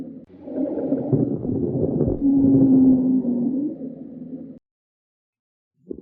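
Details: Child with bronchiolitis, a viral lower respiratory infection often caused by RSV: noisy, rattly breathing with crackles and a low musical wheeze through the middle.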